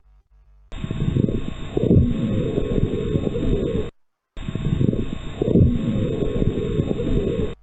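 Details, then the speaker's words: Simulated breath sound from a pulmonary fibrosis case in a lung auscultation class, played twice: dense, scratchy, Velcro-like crackling through each cycle, the fine dry crackles of pulmonary fibrosis. "Bien, vámonos a la fibrosis pulmonar. A ver, ¿cómo había sido la fibrosis pulmonar?"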